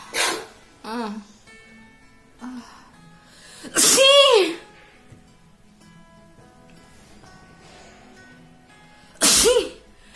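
Three loud, performed adult sneezes, one with a drawn-out voiced build-up, over soft background music.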